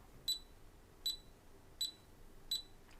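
Steady high-pitched beeps from a fingertip pulse oximeter, one per heartbeat, about 80 per minute.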